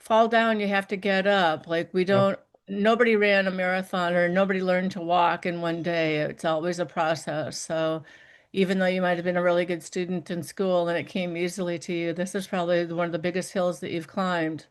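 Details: Adult speaker; normal speech.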